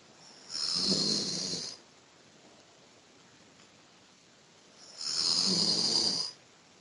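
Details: Sleeping person, sex questioned by the uploader, snoring lightly: two long hissing, airy breaths with a low rattle, about 5 seconds apart, over steady room hum.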